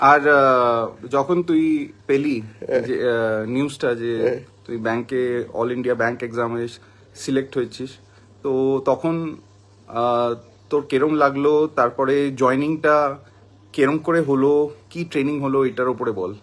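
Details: Adult male speaker; ordinary speech.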